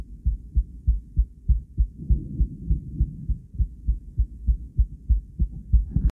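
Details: Female heart recorded via ultrasound transducer, combined with ECG: regular low thumping heartbeat, about 100 beats a minute, with a soft whooshing flow sound between beats.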